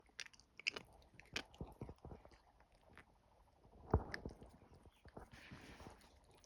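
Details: Jaw clicking while eating: soft chewing and biting with several sharp clicks and crunches as the jaw works.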